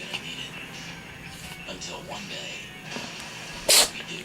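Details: Pet cat sneezing after playing with his favorite toy, a vibrating toothbrush, which reportedly makes him sneeze; soft room noise and quiet talk, then one short sharp sneeze near the end.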